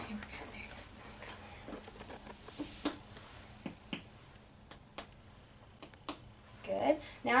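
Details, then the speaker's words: Abdominal percussion moving up toward the ribs to locate the liver span: soft, irregular finger taps with room noise, giving a normal hollow percussion note that changes in sound near the liver edge. "okay changeing sound here and then we're going to have one more in just a second I'm going to come down listen for the change up here that was quick okay"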